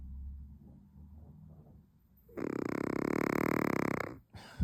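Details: Chihuahua snoring: a quiet breath, then a loud buzzing, fluttering snore lasting nearly two seconds, with a rapid rattle through it.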